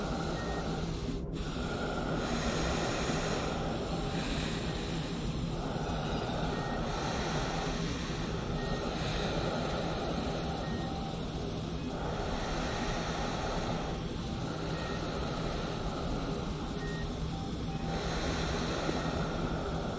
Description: Slow steady deep breathing sounds of a CPAP machine with sporadic wheezing and faint heart monitor sounds for the ultimate form of hospital ambience relaxation, deep sleep and ASMR.